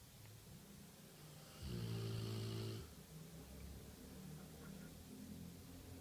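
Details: One-year-old Rottweiler snoring while napping: one long, loud, low buzzing snore with quieter breathing and room noise around it.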